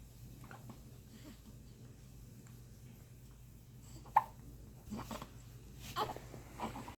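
Room noise broken by a few brief, abrupt catches of breath at irregular intervals. These fit hiccups.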